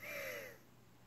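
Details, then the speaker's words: Adult woman with long-standing asthma during an asthma attack: shallow, deep laboured wheezing breaths. "hi everyone it's me this is what it's like to have an asthma attack if you can hear my breathing it's really shallow and deep because I've had asthma for so long and I'm so sick of taking my inhaler"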